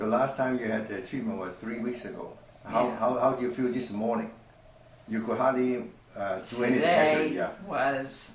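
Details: Adult male clinician; unaffected speaker (clinician).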